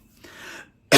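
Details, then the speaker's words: Cough from a speaker who says he is sick and his voice is fading. "Pardonnez-moi mesdames et messieurs, Rati, je suis malade, vous l'avez bien deviné et ma voix est en train de s'éteindre."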